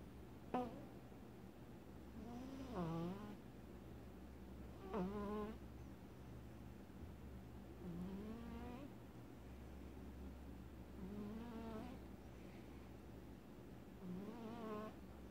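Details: Sleeping male cat making repeated squeaky, rising snores with each breath, about five in fifteen seconds, over a steady background hum; he snores sometimes when sleeping.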